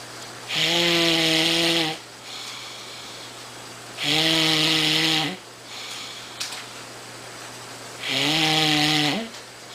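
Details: Man (boyfriend) asleep: loud, steady whistling snore on each breath, about three in ten seconds, with quiet pauses between; snoring.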